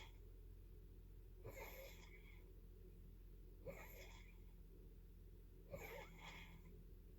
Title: Snoring again